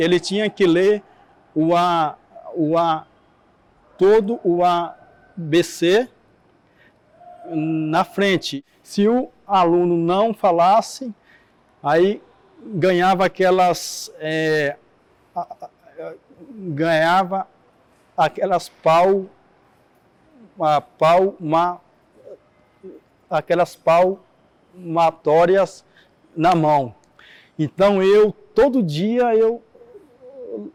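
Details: Adult man who stutters, interviewed in a documentary on stuttering; audible sound and word repetitions; stuttering.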